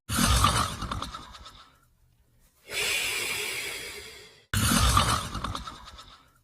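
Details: Australian Shepherd dog sleeping: loud, raspy breaths in slow cycles on both breathing in and out; snoring.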